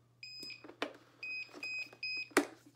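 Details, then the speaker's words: Thopaz+ digital chest drainage system alarm, a deliberately created filter-clogged alarm in a product demonstration: repeated short, high-pitched electronic beeps with some handling clicks. "there's a fluid alarm if that's activated or a standby for too long a period of time an alarm will be triggered the alarm sounds like this"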